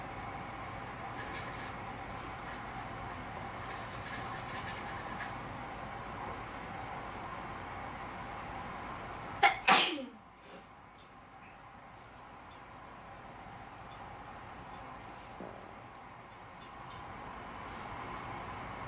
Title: Induced Sneezing #2